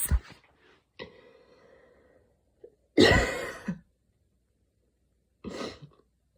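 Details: After an evening run in cold air, mild asthma attack: about four harsh coughs, one followed by a faint whistling breath, an asthmatic cough with wheeze.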